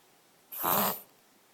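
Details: Tyson makes reverse sneezing sounds, described as easy to stop; reverse sneezing.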